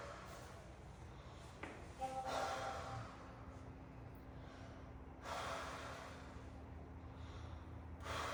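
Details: Soft, airy mouth breaths about every three seconds, stethoscope on the back of a 12-year-old breathing harder than normal during a respiratory assessment; clear lungs, no wheeze or crackles: normal breath sounds.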